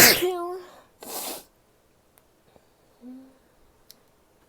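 A forceful sneeze with a voiced burst, a short follow-up blast, then quiet sniffing and a small voiced sound: sneezing.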